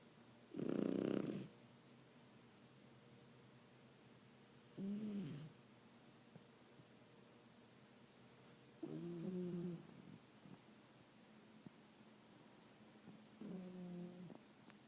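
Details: Three-month-old Shar Pei puppy sleeping, snoring louder as recording goes on: four slow, rattling snores about one every four seconds with quiet gaps between.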